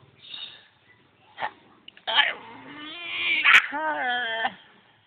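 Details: A single brief, sharp sneeze from a cat, amid meowing and voices in a home.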